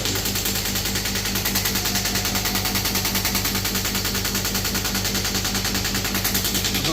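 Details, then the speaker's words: Demo of a 3rd-generation ballistic-pressure shockwave therapy machine fired on the demonstrator's hand: rapid, steady mechanical tapping at about ten pulses a second over a running compressor. "Start यहां से machine हो गई। Compressor चालू हो गया। जब मैं इस बटन को दबाऊंगा तब मशीन स्टार्ट होगी।"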